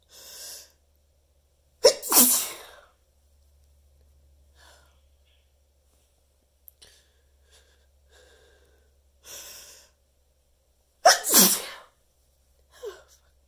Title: teasing sneezes with torturous buildups